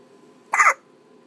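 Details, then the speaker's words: Baby hiccuping with mother at 3 in the morning: a single short, sharp voiced gulp in a quiet room; hiccups. "There's the time. 3 o'clock and we're hiccuping. And we're hiccuping."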